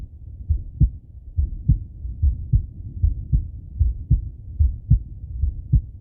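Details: Steady paired lub-dub male heartbeat at about 75 beats a minute on stethoscope auscultation, with soft breath noise behind; normal heart sounds.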